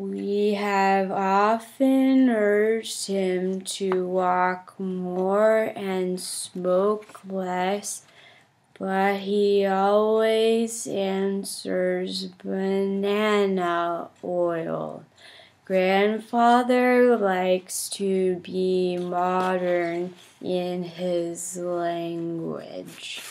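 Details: Demonstration of a stuttering therapy technique while reading the Grandfather passage: ERA-SM fluency technique (easy relaxed approach, smooth movements).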